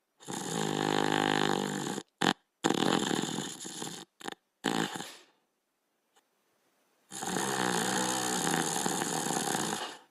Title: Rusto, the Little Fox (1989-1992): Border Collie Sleeping and Snoring